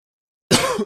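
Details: Single rough, drawn-out cough with a slightly throaty, clearing quality after silence.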